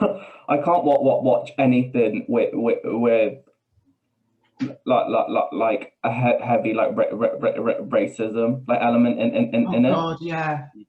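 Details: Man with Tourette syndrome (involuntary swearing and blurted-phrase tics) who has a stammer that worsens under stress; stuttering (part-word repetitions) with Tourette syndrome.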